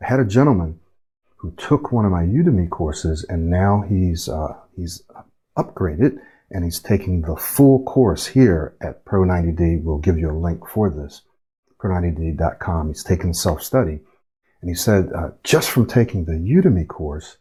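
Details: Speech coach's demonstration of choppy speech with self-interruptions and abandoned phrases from unfinished words and thoughts and broken airflow, a pattern described as often linked to stuttering or stammering; choppy speech.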